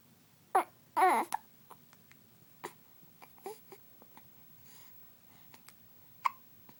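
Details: Infant with hiccups: sudden short catches with a small vocal squeak, separated by quiet stretches.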